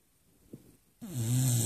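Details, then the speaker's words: A Beagle snoring loudly enough to keep the owner up all night: after a brief quiet stretch, a loud, low, rough, rattling snore sets in on the breath. "anybody that has to endure a snora like this my God"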